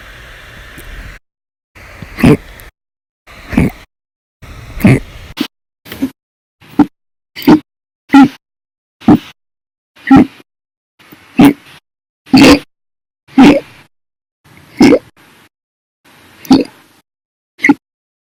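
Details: Compilation of hiccups recorded 8/1/19 to 8/31/19, described as violent, loud or silent, audio only: about fifteen abrupt, loud hiccups roughly one second apart, each a sharp gulping catch; hiccups.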